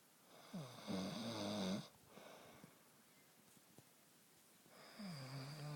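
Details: Two loud, rough, vibrating breath sounds separated by a quiet pause, recorded from a man asleep at night; snoring.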